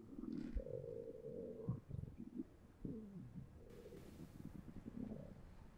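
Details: Real bowel sounds from an adult volunteer after eating three slices of pizza, recorded with a Zoom H1n recorder held against the stomach: low gurgling, churning rumbles (borborygmi).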